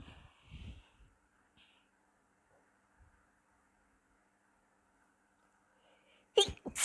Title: quick sneeze sesh